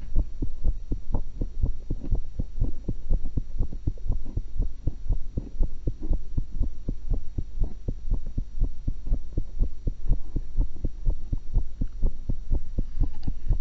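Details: Normal heart sounds of the recorder, eating after one apple and one cucumber, through a single stethoscope: a fast, steady, low, thumping heartbeat of about 120 a minute over a constant background hum.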